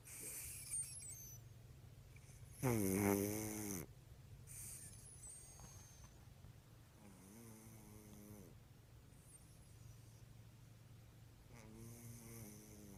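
Three rattling snores, one loud and two softer, spaced several seconds apart over a steady low room hum.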